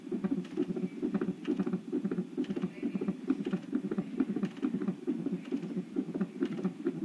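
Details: Non-stress test at 38 weeks pregnant, ordered twice weekly for large-measuring baby and rapid maternal weight gain; beeps mark felt fetal movements: rapid regular whooshing Doppler fetal heartbeat around 130 to 140 per minute.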